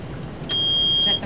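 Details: A single steady high-pitched electronic beep under a second from an IV infusion pump being reset and programmed during an LPN IV therapy teaching demonstration.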